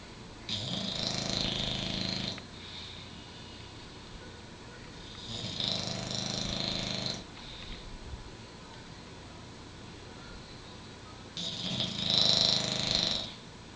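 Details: Derby snoring: three raspy, hissing snores over about fourteen seconds, roughly four to five breaths a minute, quiet exhalations between; ordinary sleep snoring, often much louder.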